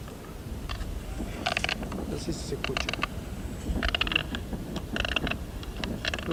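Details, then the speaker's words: Young calf under two years with polioencephalomalacia, blind, uncoordinated, with spontaneous relapses: repeated harsh grinding and scraping bursts, bruxism (teeth grinding), though speaker says it may not be audible. "Acá hay una incoordinación total el animal está ciego y sufre recaídas espontáneas tiene bruxismo bueno no se va a escuchar acá"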